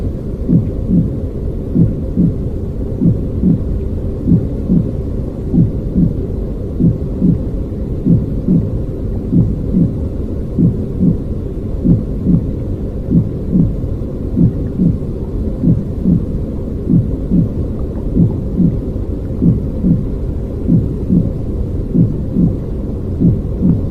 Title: Human baby’s heart sound